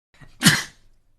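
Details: Single sneeze during gaming chat: a short in-breath followed by one sharp, explosive burst of air, then others say "bless you."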